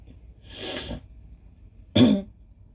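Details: A rushing, snotty nose-blow followed by a single abrupt, loose, phlegmy cough: a wet productive cough.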